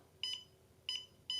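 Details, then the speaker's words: Finger pulse oximeter with beep turned on: short high beeps repeating with each pulse, roughly 90 to 100 a minute, confirming the finger is positioned correctly and blood flow is detected. "Comme ça, c'est un bon moyen de savoir si la prise arrive à se faire, parce que du coup, on a les bips au moment du pouls. Voilà, donc quand on a les bips, ça veut dire que c'est bon. Il a bien capté le flux sanguin."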